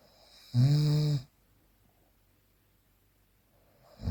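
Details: Unprocessed real recording of a sleeping person: a single loud, low, rattling snore on an in-breath followed by quiet; typical snoring during sleep.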